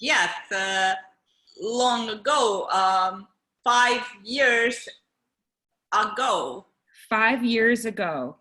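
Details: Non-fluent aphasia in an adult woman from India after a stroke five years ago; she still has speech therapy every weekday.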